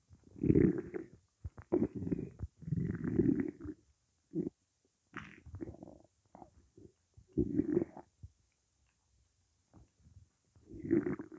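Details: Stomach growling from hunger while the stomach holds only water: repeated low gurgling and rumbling bursts with quiet gaps between them.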